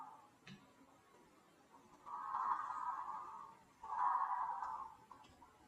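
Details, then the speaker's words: Adult sleeping with an electric massage sleep mask switched on full blast: two soft, buzzing breath sounds about two seconds apart against quiet room noise, light snoring during sleep. "Okay, we got a little sleepy snores."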